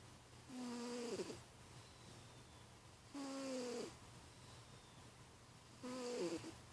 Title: New Shoes Snoring Away!